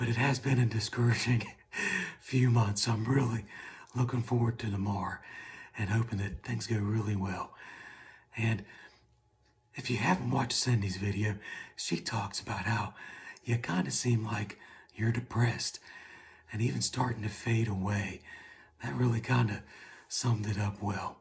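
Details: Adult man with right vocal fold paralysis after thyroid surgery, voice like this for about seven and a half months, after two vocal fold injections, pre-surgery recording; barely any voice, runs out of breath when talking; unilateral vocal fold paralysis with breathy voice.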